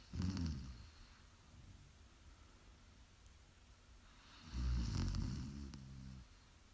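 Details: Two deep, rattling low snores about four seconds apart with quiet breathing between, recorded live during sleep: snoring.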